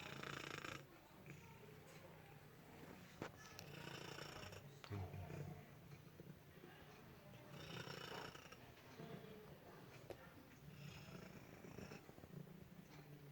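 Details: Female shelter cat resting, a steady low purr continuing under soft snoring breaths; purring with snoring.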